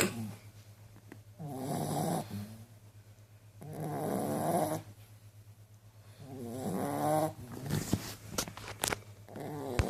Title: Snoring dog very funny